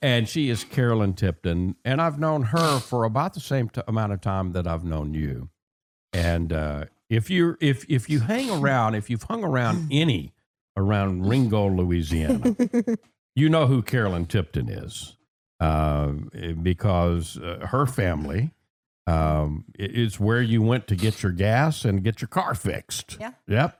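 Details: Adult male speaker; normal conversational speech.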